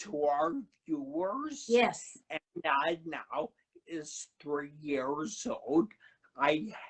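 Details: Adult man who had a cerebellar stroke at 35 in September 2013, could not talk at first, has a paralyzed vocal cord (permanent laryngitis-like) and aphasia; finding: dysarthria with dysphonia after stroke.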